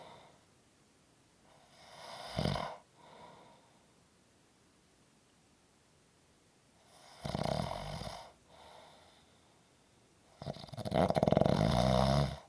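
Three loud, rough, rattling snores on breathing in, each separated by several seconds of quiet breathing; typical snoring.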